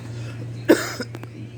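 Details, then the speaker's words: Adult with two-week illness that began with hoarse throat, runny nose and fever, now a lingering annoying cough that flares at night at bedtime: a single short, dry cough burst then a softer catch in a quiet room. "tapi yang masih tersisa sampai saat ini adalah penyakit batuk yang sangat menjengkelkan batuk ini dia selalu kumat ketika malam hari ketika waktu tidur"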